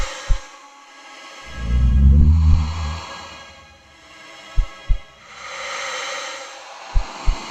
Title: Heart beating (strange noise 1)